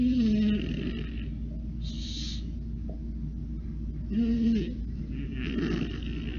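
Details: Snoring from a small Boston terrier dog: low, whistling, rattly breaths about four seconds apart over a steady background hum.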